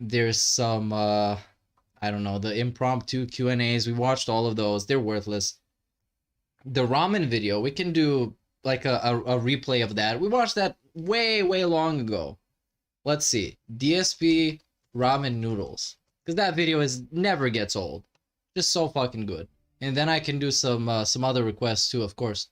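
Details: Adult male speaker; normal voice.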